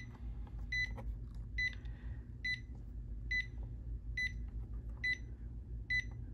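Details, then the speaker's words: Zoll defibrillator transcutaneous pacing demonstration, rate set to 70, mA raised until capture; steady electronic beeps at about 70 a minute over a low hum. "right so once you see the capture we are now pacing our patient"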